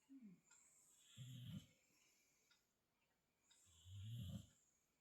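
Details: Sleeping boxer dog napping: two slow, low rumbling snores, each followed by a quiet pause; ordinary snoring.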